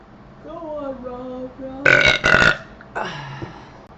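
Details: After drinking cream soda, a long, loud, voiced belch with rising and falling pitch, then a shorter second burp; burping.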